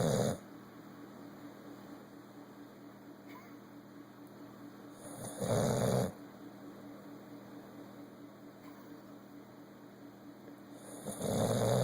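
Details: Loud, rumbling snores about every five to six seconds, roughly ten a minute, over steady room hum from a sleeping bully-breed dog; ordinary snoring.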